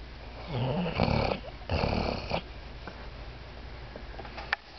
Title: my baby snoring loud as hell